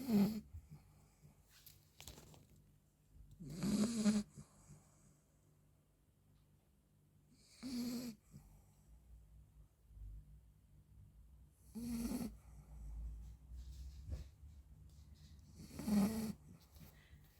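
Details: 40-day-old Labrador puppy napping: soft, rhythmic snores at about 15 breaths a minute with quiet pauses between. Ordinary snoring.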